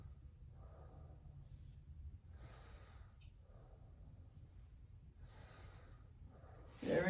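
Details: Head-to-toe physical exam, auscultation of the posterior thorax: slow, even breathing with soft rushing breaths about every two seconds; normal breath sounds.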